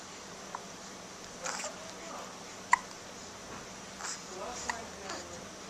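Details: Double hiccups from identical twins, recorded on a Flip Video camcorder: soft, brief hiccup catches at irregular intervals over quiet room noise and faint voices.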